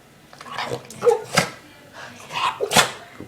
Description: My dog sneezes like a boss